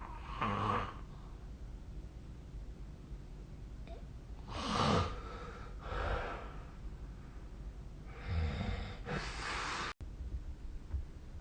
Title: 🐽 いびきの音 / Snoring Sleep Sound 2025/05/21